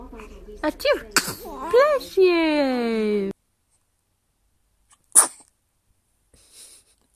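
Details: Baby babbling and a drawn-out cry-like sound, then after a silence one small, sharp infant sneeze; ordinary baby sneeze.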